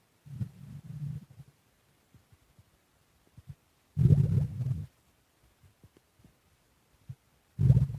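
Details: Stomach growls while digesting lemon cake: low gurgling rumbles in three bursts with quiet gaps, ordinary digestive bowel sounds.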